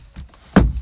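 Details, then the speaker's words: Adult woman on day of a 3-day juice fast: a brief low gurgling rumble of stomach growling (borborygmi) in a quiet room. "if you heard my stomach grow just now act like you didn't hear it okay your girl is fasting she is doing a 3-day juice fast"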